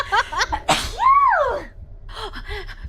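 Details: A single loud adult female sneeze, part of a run of three, a sharp burst of air followed by a drawn-out vocal exclamation, with brief talk after.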